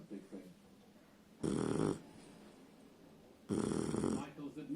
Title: puppy dog snoring